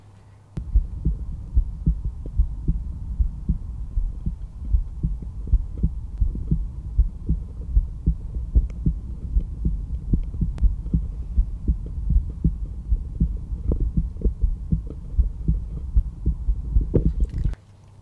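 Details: Normal heart sounds at rest through a stethoscope over the aortic area (second intercostal space, right sternal border): steady lub-dub at about 77 beats a minute.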